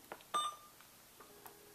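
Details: Several short beeps and key tones as an IV pump starts an infusion of normal saline at 100 mL/h, volume to be infused set to 950 mL of a 1000 mL bag; green light shows infusing, before connection to a pretend patient.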